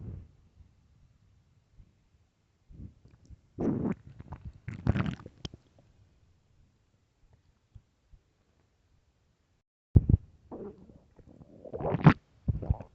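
Loud, low gurgling and rumbling bursts separated by quiet gaps: bowel sounds, ordinary stomach growling.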